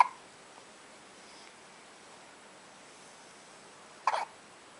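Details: Baby girl born December 2011, looking up at her father at 2:30 a.m. after an early-morning feeding, with hiccups: two brief, soft hiccup sounds separated by a few seconds of quiet.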